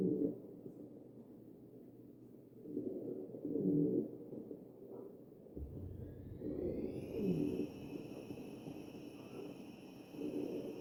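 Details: Wheezing heard on chest auscultation of a real ventilated patient (sample 2).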